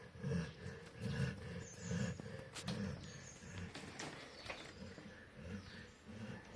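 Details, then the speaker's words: Low, rumbling snores repeat steadily with each breath in a quiet room: a dog named Bruno snoring while asleep in the daytime around 3 pm, after eating. "ഇത് നമ്മുടെ Bruno ആണ് കേട്ടോ Bruno കൂർക്കം വലിച്ച് കിടക്കുന്നത് അതും പട്ട പകൽ സമയം"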